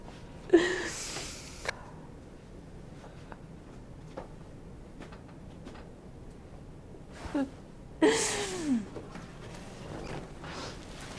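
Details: A woman lying on her side, with a hand on her lower bottom during a fascia healing and chiropractic session, makes two sharp noisy breaths with voiced catches separated by a quiet stretch; gasping.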